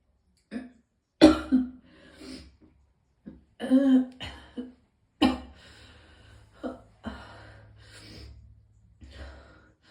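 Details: Several harsh coughs and throat-clearing bursts with strained retching sounds, from a person in so much pain that they vomited several times: coughing with retching.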